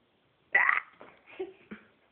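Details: Baby with hiccups: several short, abrupt, soft hiccup sounds at irregular intervals in a quiet room.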